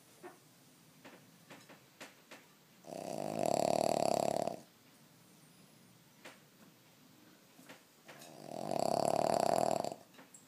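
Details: Sleeping dog snoring: two loud, drawn-out buzzing snores separated by quiet breathing and faint clicks.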